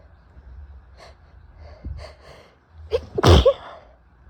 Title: Hitchy Sneezes + Noseblows (F)